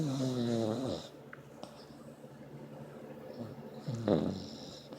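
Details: Puppy asleep under the covers: a vibrating, tonal snoring breath, a quiet pause, then another brief snoring breath; snoring.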